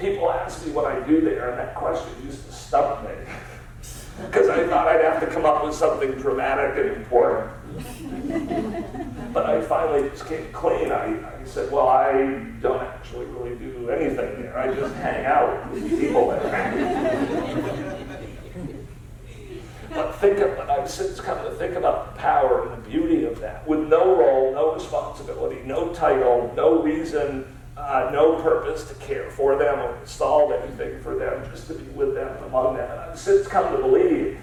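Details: Spasmodic dysphonia, a rare neurological disorder affecting only speech with no known cause, in an adult man diagnosed about seven years earlier and treated with periodic Botox injections.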